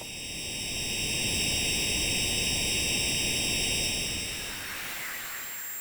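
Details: Simulation of one sufferer's own tinnitus: a steady hissing noise with several thin, high-pitched tones layered above it.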